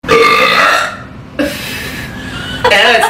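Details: Woman burping: two loud, drawn-out voiced belches in a row, each about a second long, followed by the start of a third.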